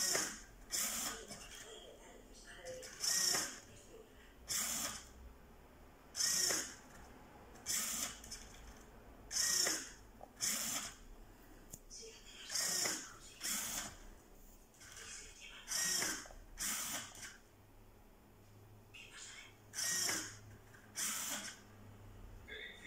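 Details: Prototype low-cost, open-source ventilator for patients with COVID-19: rhythmic hiss-and-click bursts of the mechanical ventilator cycling, roughly 19 to 20 cycles a minute.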